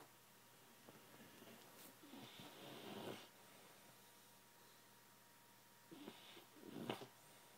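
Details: Sleeping dog snoring: two soft, fluttering snore breaths about four seconds apart, heard through faint steady room noise.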